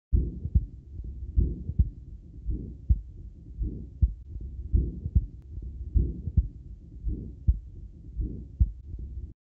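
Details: 6-year-old with restrictive mid muscular ventricular septal defect, 80 torr pressure drop from left to right ventricle, recorded with a Thinklabs One digital stethoscope and slowed 50%: regular heartbeat with a harsh murmur filling the gap between beats.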